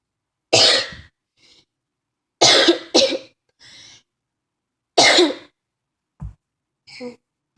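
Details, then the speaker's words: Child's coughing fit, feeling faint: a run of harsh, forceful coughs with quiet gasping breaths in between. "I need to stop coughing right now. I feel like I'm gonna faint."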